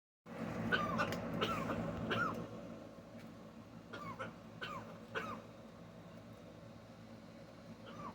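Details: Pet macaw, with the owner wondering whether she was sick, gives a series of short, harsh, cough-like bursts over steady low room noise.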